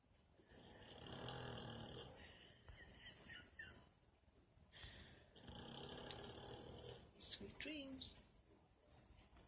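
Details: Snoring during sleep: loud, rough snoring breaths in a slow repeating rhythm, with a few squeaky sounds near the end.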